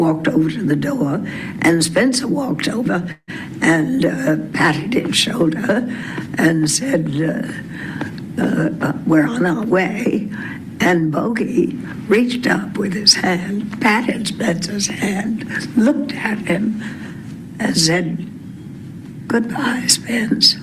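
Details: 81-year-old woman, former film actress, about 50 years after earlier recordings: lower pitch, raspy, rough, breathy voice with vocal tremor, likely essential tremor acquired with age; recording setting and emotional topic may also contribute; presbyphonia (aged voice) with vocal tremor.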